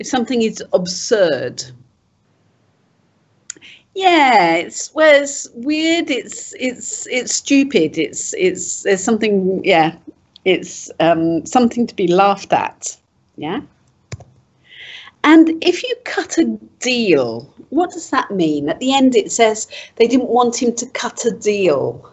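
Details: Adult speaker; typical speech.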